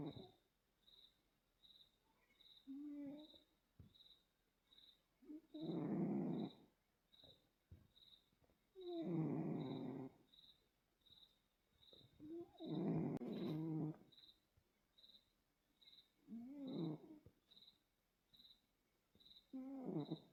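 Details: Sleeping cat snoring: rhythmic rattling snores on each breath, about 18 a minute, with a faint repeating beep in the background.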